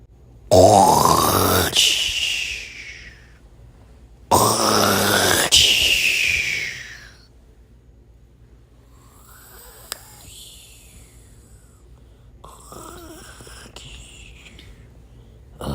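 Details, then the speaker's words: Character snoring: two loud, rising, exaggerated snores followed by softer whistling breaths; cartoon-style snoring. "You woke me up. And now you keep snoring. >> I'm sorry. I can't help it."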